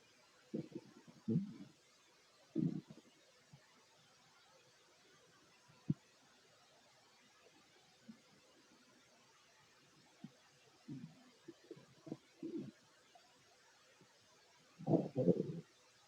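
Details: Fit adult male's stomach while eating a plate of sandwiches: scattered low gurgling rumbles and brief squelches in a few bursts; ordinary digestive bowel sounds.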